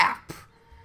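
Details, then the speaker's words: Adult with a dry throat coughing while narrating: brief sharp cough or throat-clearing burst followed by a softer second catch in a quiet room. "i'm sorry my throat's a bit dry that's why you'll hear me coughing to this video"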